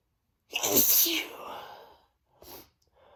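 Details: Man sneezing on himself, huge desperate sneezes: one forceful, hissing sneeze followed by a fading breath and a small second burst; an ordinary sneeze.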